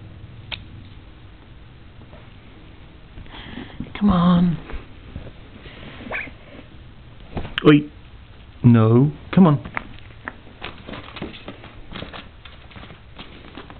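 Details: A few short, dry, hacking bursts from Koshka, a cat, amid quiet room noise; brief coughing fit, owner judges it not productive; nose clear, eyes bright afterward; non-productive cough.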